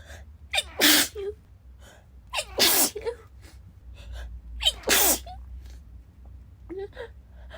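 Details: Woman sneezing nonstop just after waking, half-awake: three forceful sneezes in quick succession, each preceded by a sharp indrawn breath, with soft sniffing after.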